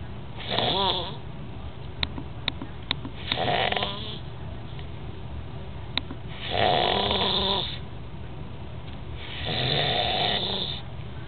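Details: Snoring: rhythmic rattling snores on each in-breath, about four in ten seconds, with faint clicks between them.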